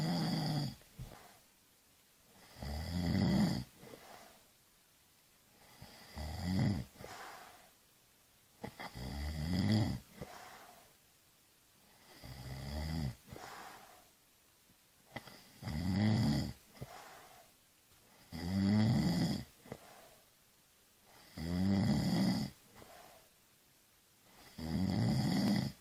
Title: Snoring/ Schnarchen/ Chrapanie SOUND EFFECTS